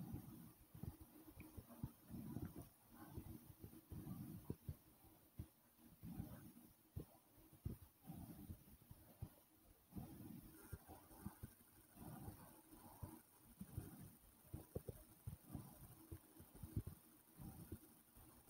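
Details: Fast heartbeat recorded right after climbing stairs: quick, repeated low thumps of a rapid heartbeat following exertion.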